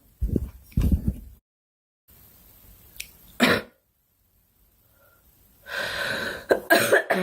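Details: Girl on a live stream, saying she is sick, gives several short coughs and throat-clearing bursts, some harsh and clustered, with pauses between; cough.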